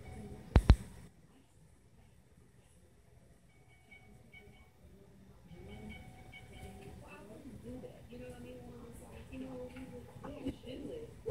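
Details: Newborn on the first day of life in the NICU, born with hydrocephalus and cleft palate: a quick, sharp double sneeze, then quiet room sounds and soft voices.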